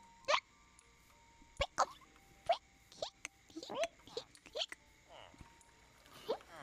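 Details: Hiccups from two streamers after drinking water too fast: sharp, high, squeaky catches at irregular moments, with faint background music.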